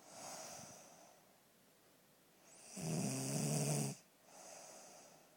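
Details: Woman who says she never snores, asleep: loud buzzing snore on the in-breath between softer airy out-breaths; snoring.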